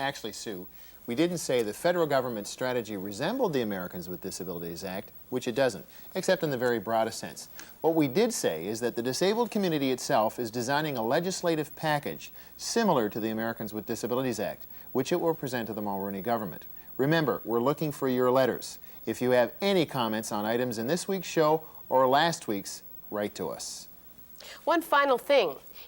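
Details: Adult male speaker; normal speech.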